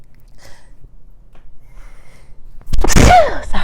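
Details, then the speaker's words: An adult sneezes, interrupting speech during a spoken recording. "oh I was like a break of a sneeze there through that whole did y'all hear it"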